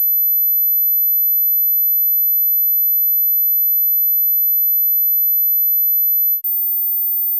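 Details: High-frequency hearing test tone.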